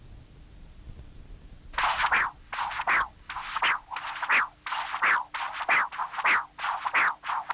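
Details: Continuous-wave Doppler from a non-imaging transducer at the apical position: rhythmic, high-pitched whooshing flow sounds with each heartbeat, a loud systolic rush alternating with softer inflow; tricuspid regurgitation.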